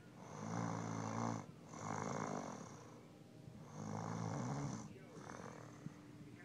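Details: Adult female snoring, though she claims it isn't loud: loud, rattling snores on both in- and out-breaths, about 19 breaths a minute.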